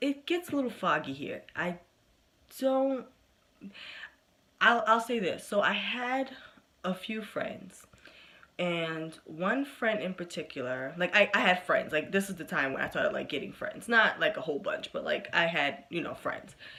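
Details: Adult woman who has stuttered since about age four, covert stuttering in high school, says she has slowed down with age; stuttering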